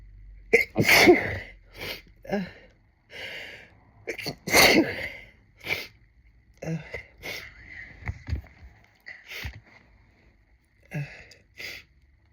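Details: Several forceful adult sneezes with sharp breath intakes and quieter sniffs between, triggered by hearing another person's sneezing video and then self-induced with a tickly nose: sneeze.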